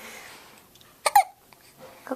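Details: A single short, sharp voiced catch with a quick gulp in a quiet room while lounging watching TV, looking tired; hiccup.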